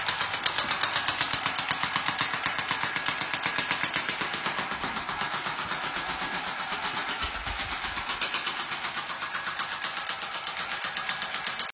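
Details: Shockwave therapy treatment on a horse: rapid, regular clicking pulses at about four a second from the shockwave device.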